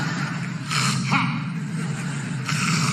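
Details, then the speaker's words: Adult comedian imitating a man's sleep apnea during stand-up: noisy snorting and choking gasps over a low steady room hum, not a real patient: imitated obstructive sleep apnea snoring with gasping. "i noticed that it was just you joseph snoring so i'm sorry you don't have to go to a doctor just go to sleep"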